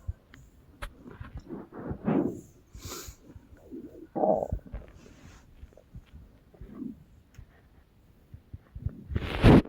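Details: A person's stomach growling: irregular low gurgles, squeaks and rumbling bursts of varying length, ending with a louder gurgle (borborygmi).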